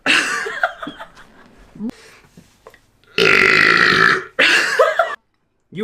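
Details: A girl burping: loud, drawn-out voiced belches, one lasting over a second, with a few quieter sounds between them.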